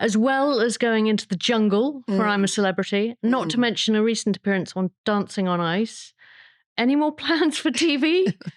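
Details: Adult woman speaking; Normal speech.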